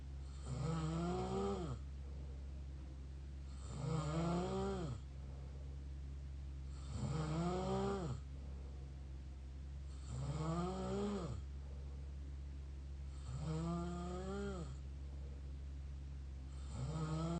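Regular, deep, fluttering snores on each breath, about 19 a minute, over a steady low hum; mouth snoring.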